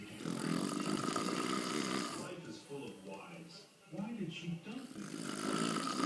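Loud, rumbling, fluttering snores at the start and end with quieter breathing noises between, typical of heavy snoring.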